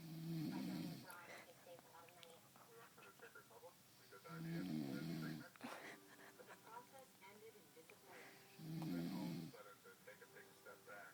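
Three loud, rough, low rattling snores on breathing in, about 14 a minute, with quiet breathing between them and faint room noise: snoring during sleep.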